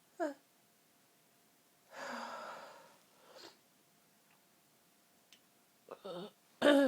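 Quiet room with a few breathy sneeze-like bursts and catching breaths, ending in a louder sneeze; a short sneezing fit.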